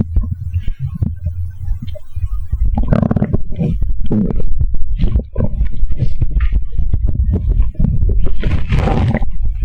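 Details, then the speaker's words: Low rumbling, gurgling, bubbling stomach noises in irregular bursts after drinking a can of cola; bowel sounds, stomach growling. "好了，大概已经喝了一罐的可乐了，肚子现在咕咕叫得很"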